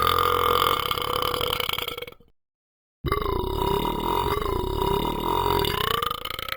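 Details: Two long, loud, drawn-out voiced belches separated by a brief silence: ordinary burping.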